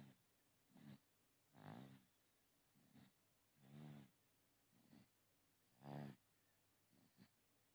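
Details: Infant snoring: a small baby sleeping soundly, with soft rhythmic snoring on each breath at about 15 breaths a minute; a harmless snore.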